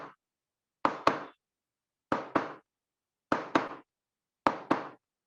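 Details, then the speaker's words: Knocked imitation of normal heart sounds (S1, S2) in a lecture on murmurs in mitral stenosis: paired short 'lub-dub' thumps, about 50 pairs a minute, with silence between and no murmur. "Murmur has duration. Heart sound is just like that. 1, 2."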